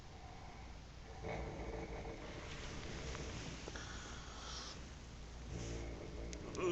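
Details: Snoring while asleep in a hotel: low, rough breathing noises rising and falling over quiet room noise.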